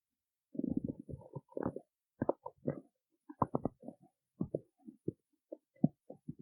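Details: Stomach growling in a woman who skipped breakfast: low gurgles and short growling rumbles separated by quiet gaps, empty-stomach borborygmi.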